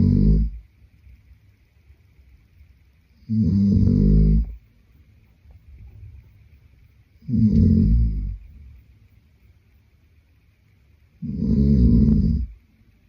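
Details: Sleeping adult man: loud, rough snores on each breath in, about four in 13 seconds, with quiet pauses; snoring.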